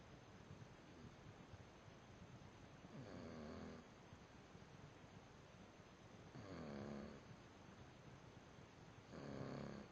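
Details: Quiet snoring during sleep: three soft, vibrating snores about three seconds apart, roughly 20 breaths a minute, over steady background hiss.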